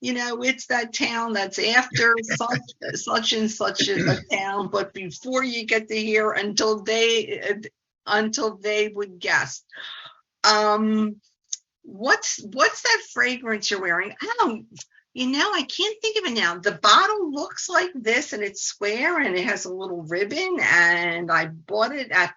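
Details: 68-year-old woman, a speech-language pathologist who stutters, giving examples of talking around words; stuttering with circumlocution (word avoidance).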